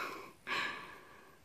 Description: This cute little elk was following me for a While but I think here she might have wanted to intimidate me a bit...I'm not sure if I'm supposed to be scared of her sneeze or not... Lol